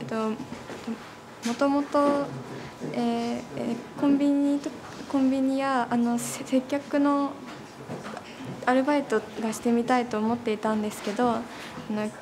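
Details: High school or university student who stutters, speaking Japanese while trying customer service at a one-day cafe for people who stutter; stuttering.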